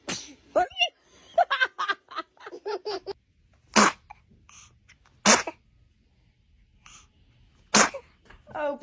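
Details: Newborn baby sneezing repeatedly, with background music and someone saying "bless you".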